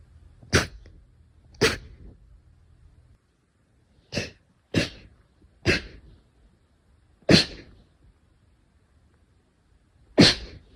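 Seven sharp, explosive sneezes at irregular intervals over about eleven seconds, with quiet between them: a run of repeated sneezing.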